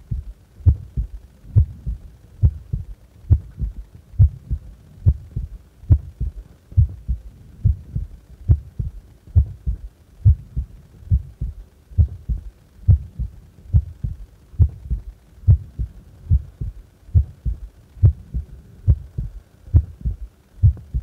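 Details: Normal resting heart sounds, recorded while doing nothing: steady paired thumps at about 69 beats per minute.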